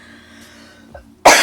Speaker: uh as you can hear I still have a bit of a cough this is just the way of it this is just how it is folks